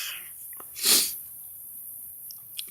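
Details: Early-morning (about 3 a.m.) vlog, awake adult: a single brief, hissing sneeze burst with faint room sounds around it.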